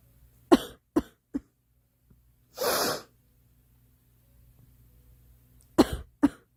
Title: Girl coughing 264